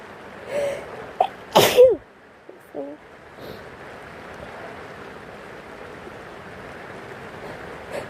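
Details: Many sick sneezes with sniffles, with rain sounds in the background.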